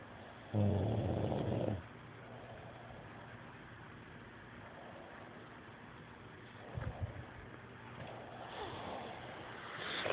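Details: Snoring in a man recorded on an Android phone: one loud, low, rattling snore on a breath lasting about a second, then quiet breathing with background hiss.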